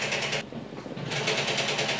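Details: Infusion pump running during endovenous laser treatment (EVLT) of the saphenous vein, pumping a water sheath of tumescent fluid around the vein; continuous rapid rattling motor noise with a brief dip in the middle.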